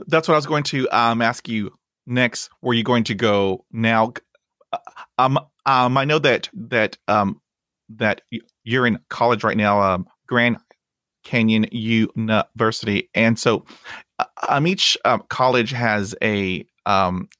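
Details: Adult man who stutters, a podcast host; he reports blocks and repetitions in his own speech; stuttering.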